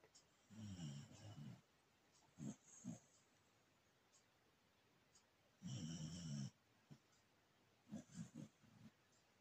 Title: Doggie Snoring